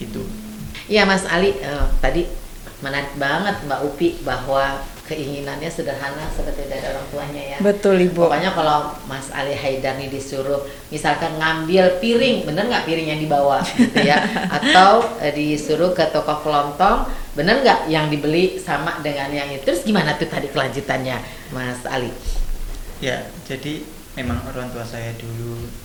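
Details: Adult woman speaking Indonesian, with a second speaker briefly at the end; normal speech.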